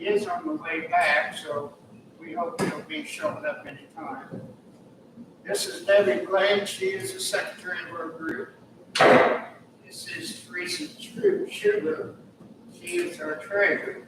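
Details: Adult speaker; typical voice.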